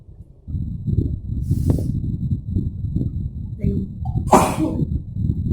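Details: Breathing and murmuring, then one loud, sharp sneeze near the end, deliberately provoked with a sneeze-inducing "chiiknii" substance during a Christmas sneezing session.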